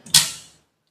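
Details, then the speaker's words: Defibrillator shock discharged into the machine's built-in dummy load during a self-test, not on a patient: single sharp, hissy snap fading within half a second, then "energy delivered" shown; defibrillator discharge. "Energy delivered ಅಂತ ಬರುತ್ತೆ"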